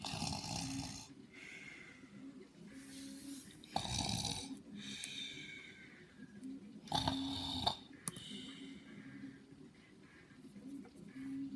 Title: The snoring